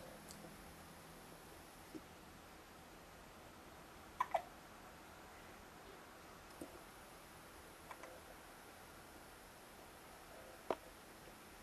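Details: A male unable to fall asleep because hiccups keep him awake: faint, sharp hiccup clicks at irregular intervals, about six in twelve seconds, in a quiet room; hiccups.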